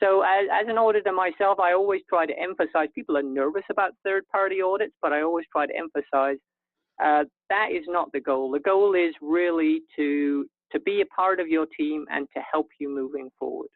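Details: Adult speaker, likely over a telephone or web call line; normal speech.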